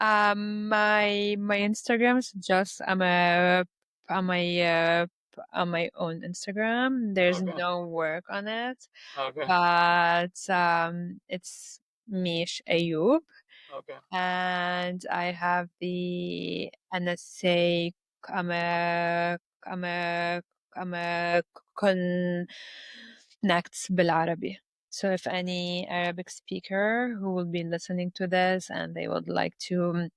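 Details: Stuttering in an adult Lebanese woman who reports blocks and repetitions in her speech.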